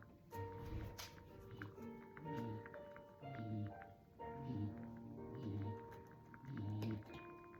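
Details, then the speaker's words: Dog snoring in the background of a room recording, loud enough to disrupt concentration. "C'est mon chien qui ronfle que vous entendez. Ça m'empêche de me concentrer."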